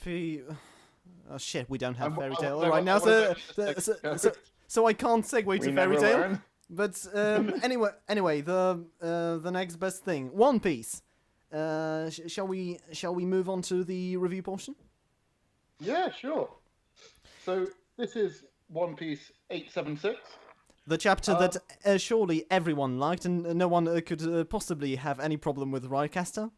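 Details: Man who self-identifies as a stammerer, in natural conversational speech with word and phrase repetitions; stuttering.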